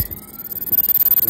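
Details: Phacoemulsification during direct phaco chop cataract surgery on an immature cataract, emulsifying nucleus fragments after chopping: rapid rhythmic electronic pulsing that grows louder.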